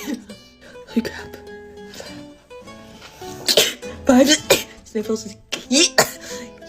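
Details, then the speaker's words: Repeated sneezing in a person with allergic rhinitis, who says they still can't stop sneezing hours after deliberately sniffling to trigger a sneeze. "It's been a few hours and I still can't stop sneezing."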